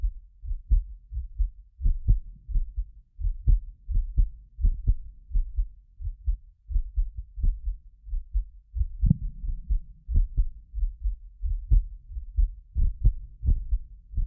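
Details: Heartbeat of a self-described medically fit person, recorded with more than six precision contact microphones: deep, muffled beats at about 80 per minute. Occasional doubled clicks come from about 6 ms delay between microphones. Normal heartbeat.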